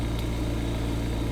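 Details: Invacare Perfecto oxygen concentrator running: steady low motor hum with a faint rhythmic rumble, normal operating noise.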